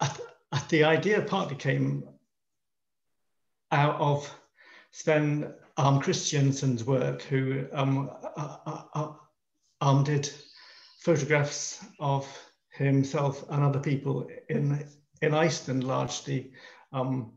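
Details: Male artist in his 50s who stammers, introducing himself on a panel of people who stammer; stammering.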